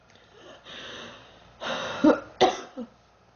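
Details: Girl, sick for about 3 weeks, feeling hot and unwell: a few short, harsh coughs with throat clearing and soft room noise between them; ongoing cough.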